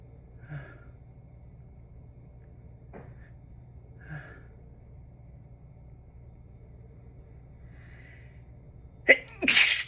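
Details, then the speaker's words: Deliberately induced sneeze in a hotel room after repeated sneezing in very dry, dusty Las Vegas air: quiet room, a few soft sounds, then a sharp sneeze burst near the end. "I'm gonna sneeze. Ugh."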